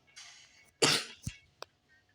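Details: Single short, harsh cough followed by a brief throat sound in a quiet room.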